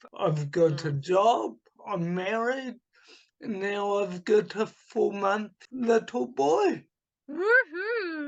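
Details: Adult man with cerebral palsy from oxygen starvation at birth, affecting his right hand and speech; speech once very slow, now improved to about two to three times faster but not back to normal; dysarthria (cerebral palsy).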